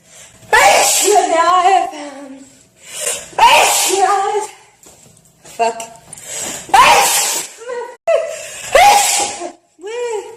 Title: Girl sneezing fit while singing tiktok loop edit for 6 and ½ minutes. #sneezingfit #achoo #singing